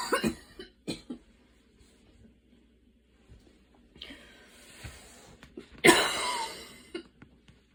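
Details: An evening asthma cough after walking and running in the rain, with an inhaler used during the recording: a few dry cough bursts, then a long, harsh rattling cough with noisy breathing.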